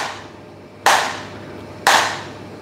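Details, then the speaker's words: Extracorporeal shock wave lithotripsy for a kidney stone, ultrasound-guided, waves passing through water into the body, in a 41-year-old man; two sharp, loud cracks about a second apart, each fading quickly. "chúng ta sẽ dùng sóng từ ngoài vào được đi qua môi trường nước vào cơ thể và định vị đúng viên giỏi và Tán vỡ ra"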